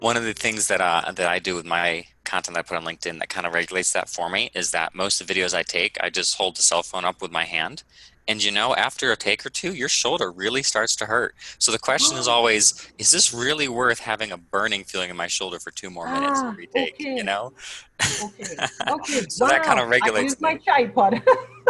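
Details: Adult male speaker; typical speech.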